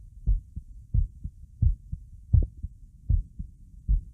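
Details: Normal heartbeat recorded alongside a visible neck pulse: regular low lub-dub heart sounds at about 85 beats a minute, steady rhythm.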